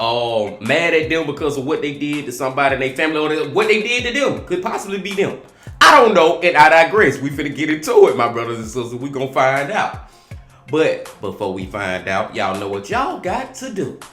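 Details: Adult man speaking; ordinary speech.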